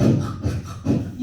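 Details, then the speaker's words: Vocal imitation of the heartbeat of a fetus at about 50 days of development: rhythmic, fast, chugging, train-like whooshes; fetal heartbeat. "선생님이 12월 초에 저기 서울에 중학교에 가서 강의를 하는데이 심장 소리가 플레이가 안 되는 거예요 그래가지고 어떻게 해요 그래도 친구들한테 들려줘야 되고 그래서 친구들 심장이 51세인 아이가 어떻게 때는요 기차 소리처럼 뛰거든요"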